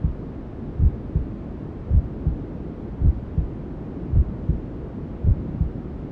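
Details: Newborn sleep-aid ASMR: slow, regular muffled maternal heartbeat, about 54 a minute, over steady white-noise hissing, imitating the familiar womb sounds heard as a fetus; maternal heartbeat with white noise.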